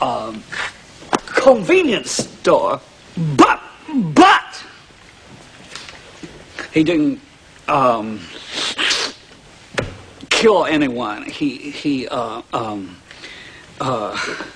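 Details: Acted stuttering: a male lawyer character in a film scene stutters during an opening statement to a jury; the video owner says he once stuttered like this for over 20 years.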